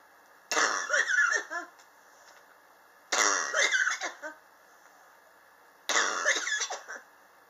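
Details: Three bouts of dry, hacking coughing with several quick bursts each, recorded July 2018 from a person coughing since summer 2016, which they believe is triggered by extreme temperature changes in their apartment; chronic cough.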